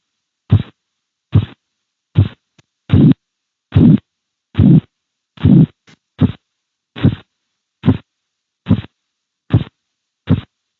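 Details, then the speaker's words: Regular thumping Korotkoff sounds at about 72 a minute, swelling then fading as the blood pressure cuff deflates; the full sequence played without pause, the fifth sound's disappearance marking diastolic pressure in adults. "Básicamente, el quinto ruido de Corcov es cuando los ruidos se terminan. Esta ausencia de ruidos nos indica la presión diastólica en adultos."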